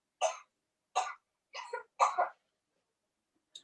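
Four short, sharp cough bursts from a child, with a faint fifth at the end; they sound dry, without rattling or gurgling.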